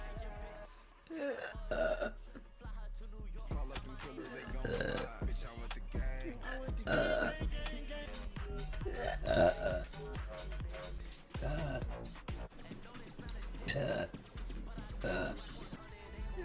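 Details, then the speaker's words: Woman burping repeatedly, with deep, drawn-out belches at about 27 a minute over background music; burping. "I'm burping so much."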